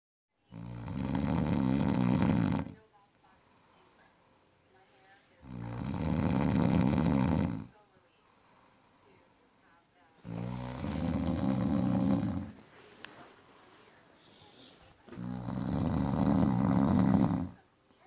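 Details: Man snoring loudly in any sleep position (back, side, stomach), day and night: very loud, deep, rattling snores on each breath in, about every five seconds, with quiet pauses between; heavy snoring.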